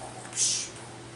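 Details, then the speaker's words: Spoken imitation of the to-and-fro murmur (short breathy hiss) heard after tetralogy of Fallot repair with residual pulmonary stenosis and pulmonary insufficiency: systolic plus diastolic murmur, not continuous; to-and-fro murmur. "so it's not a continuous murmur, but it's a systolic murmur and a diastolic murmur causing a to-fro sound."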